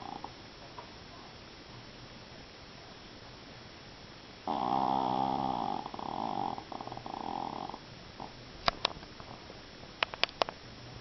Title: Mini, my snoring japanese chin